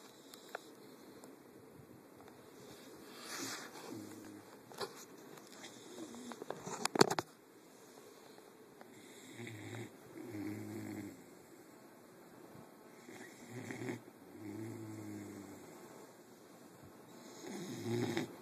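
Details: Soft, rumbling snores recurring with each breath over a noisy background: snoring.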